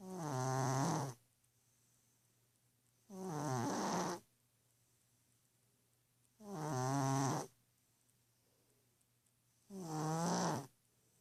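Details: Orange cat sleeping on a pillow next to a woman, keeping her awake: four loud, buzzing snores with quiet pauses, about 20 breaths a minute. Ordinary snoring.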